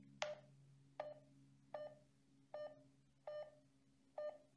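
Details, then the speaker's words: Pulse oximeter with tone modulation: steady beeps about 77 a minute at a lowered pitch, signalling hypoxemia with SpO2 85% (higher SpO2 gives higher tone). "changing tones with changing spo2 is called tone modulation it sounds like this for an spo2 of 100 percent and it sounds like this for an spo2 of 85 percent"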